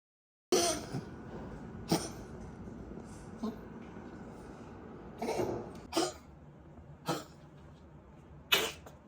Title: 咳嗽氣管塌陷之闇黑療法C0529 Tracheal Collapse